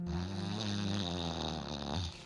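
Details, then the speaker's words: An adult man's deep snoring while sleeping on his back. His partner reports he then stops breathing, his chest stops moving, and he catches his breath when nudged; discussed as sleep apnea. "It usually happens when he's on his back, and then he gets into that deep snore, like"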